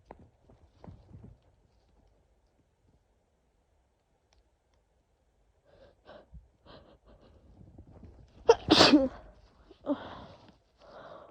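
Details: Sneezing in a female with a worsening cold: quiet sniffs and catching breaths build to a sharp, forceful sneeze, then a few softer follow-up sounds.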